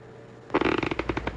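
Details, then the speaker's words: Radio advertisement by a dentist for a night guard: short run of rapid gritty grating clicks imitating someone grinding their teeth in their sleep, nighttime teeth grinding (bruxism). "you know that sound that's someone grinding their teeth in their sleep as a dentist i know the damage nighttime teeth grinding can cause how annoying it can be to the person you sleep with"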